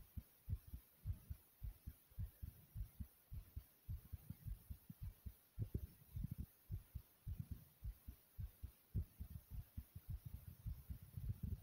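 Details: Own loud pounding heartbeat: fast, strong paired thumps at about 105 beats a minute against a quiet background; heartbeat.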